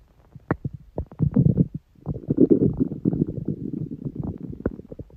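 Low gurgling rumbles with bubbling pops, continuous over several seconds; ordinary stomach growling.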